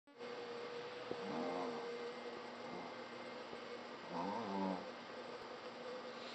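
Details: Brussels Griffon dog snoring while asleep: two slow, buzzing, slightly whistling snores, about 20 breaths a minute, over a steady low room hum.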